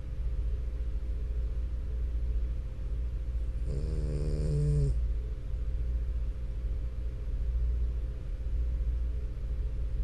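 Steady low rumbling breath noise with one brief, strained, buzzy snort. Snoring in a flat-faced dog.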